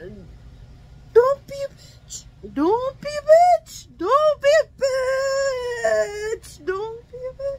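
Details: Adult woman with Tourette syndrome on medication, tics worsened by stress and talking about her problems and flaring here so that speaking becomes harder; repeated swearing tic; vocal tics with coprolalia.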